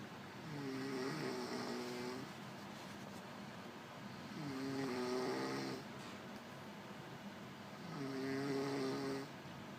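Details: Female snoring heavily: loud, rumbling snores on each breath in, about 17 a minute, with quiet breaths out between.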